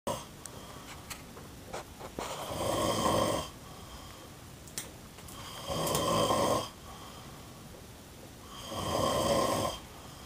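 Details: Snoring man, with three slow, rough snores at about four-second intervals, roughly 19 breaths a minute, and quiet breathing between; ordinary snoring.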